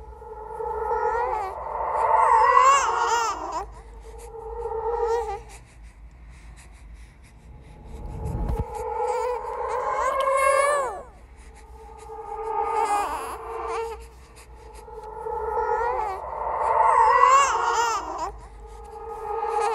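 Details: Horror sound-effect track: repeated rising and falling infant wails in long bursts with short pauses; a sustained ghost-baby infant cry.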